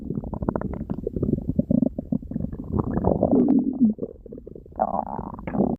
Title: loud stomach growling Tiger